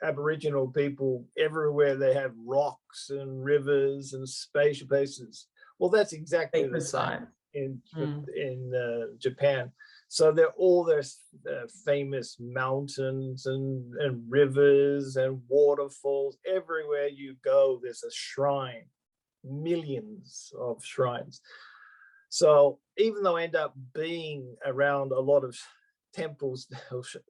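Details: Adult male stroke survivor with post-stroke aphasia, speaking spontaneously. Finding: aphasia.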